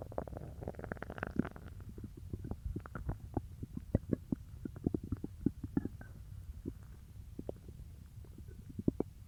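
Bubbly gurgles and rapid clicking pops from the belly, a loud burst early then scattered sharp pops; ordinary stomach growling (borborygmi).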